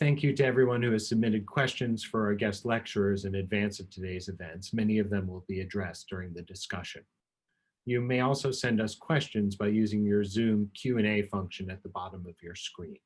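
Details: Adult male speaker; normal speech.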